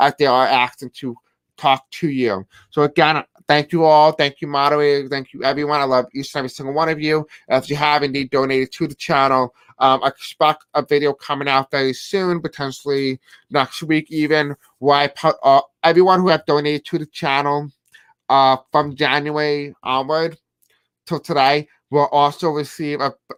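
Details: Self-described deaf accent in a man who says he may have a hard time pronouncing certain words; deaf speech (deaf accent).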